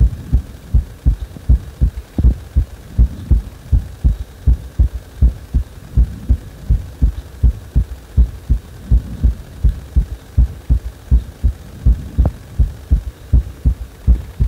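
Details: Heartbeat after compression: steady low thumping at about 80 beats a minute with a faint background hum.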